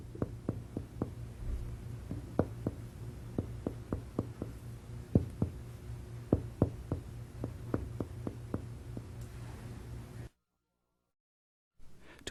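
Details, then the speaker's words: Patient lying supine. Finger percussion over the right anterior chest, moving downward to check the level of the right diaphragm; hollow resonant notes give way to flatter ones, normal lung resonance changing to liver dullness. "if you want to check the level of the right diaphragm anteriorly percuss from resonant lung downward to liver dullness"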